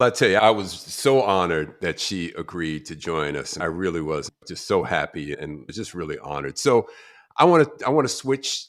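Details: Adult man speaking; normal voice.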